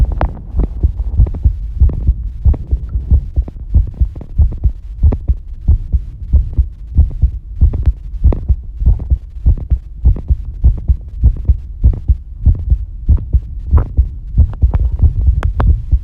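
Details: Normal heart sounds recorded while bathing, shown with an approximate heart-rate readout: regular low thumping heartbeats at roughly 95 a minute with a faint hum behind.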